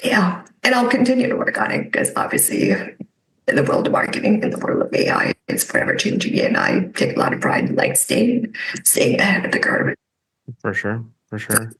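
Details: Adult woman with spasmodic dysphonia caused by neck trauma about 5 years ago; unable to speak for about 2 years; treated with Botox injections into the neck, which help but do not cure; spasmodic dysphonia.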